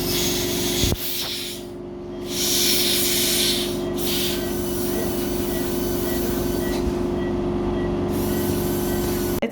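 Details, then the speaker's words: Five-year-old dog (Pomeranian dental cleaning) under general anesthesia and intubated, having paste polishing after tartar scaling: steady motor whine with intermittent spray hiss from the polishing handpiece. Dental polishing. "şimdi polisaj aşamasına geçiyoruz Polisaj için cilalama yani demek böyle bir macunları Muzların dışı sürüyoruz"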